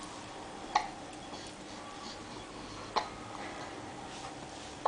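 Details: 7-week-old infant: faint, sharp clicking catches about every two seconds against quiet room noise; infant hiccups.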